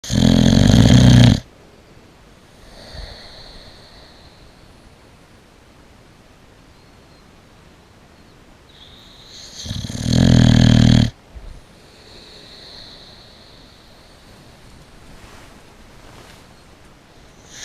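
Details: Boxer dog sleeping in bed, snoring very loudly: two loud, rough rattling snores about nine seconds apart with quiet breathing between, ordinary loud snoring.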